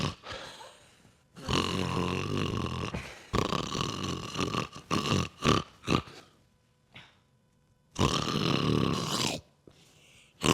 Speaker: Kick me if I snore.